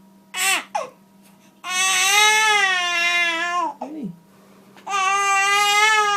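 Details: Newborn baby boy held in his mother's arms during a gentle Gonstead chiropractic neck adjustment: loud, long wailing cries separated by short gasps and pauses over a steady low hum; irritable infant crying.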